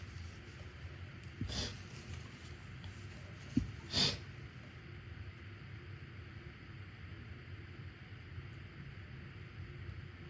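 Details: Adult with a cold inducing sneezes because of a tickle in the left nostril, switching between nostrils: two sharp, explosive sneezes a few seconds apart against steady room hiss.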